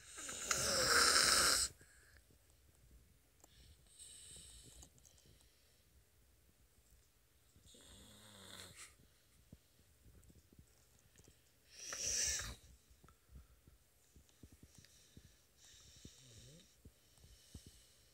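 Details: Soft, breathy snoring with a few louder rasping breaths in a quiet room, from a sleeping 4-year-old boy; snoring.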